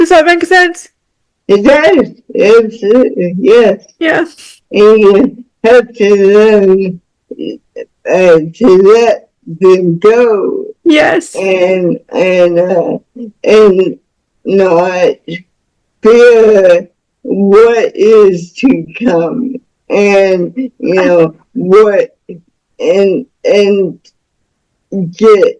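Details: Woman about to turn 49 with cerebral palsy since birth (umbilical cord around her neck five times; doctors said she would never walk or talk), with spasticity; speech disorder not named; dysarthric speech in cerebral palsy.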